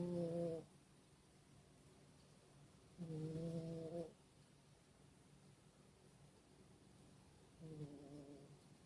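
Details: Small animal sleeping: soft, buzzy snores in three breaths over about nine seconds with quiet gaps between; snoring.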